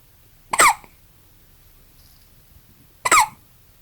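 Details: Newborn baby, about 20 hours old, with hiccups: two short, high squeaky catches about two and a half seconds apart in a quiet room.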